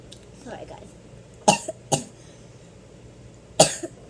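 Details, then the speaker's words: Someone describing their own cough as really bad, coughing. "My cough is really bad."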